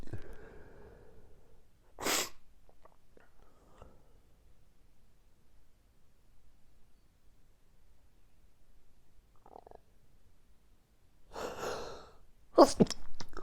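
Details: Morning allergic sneezing fit that recurs every morning and lasted five more minutes after recording stopped: several forceful sneezes separated by quiet pauses, with sniffing between them.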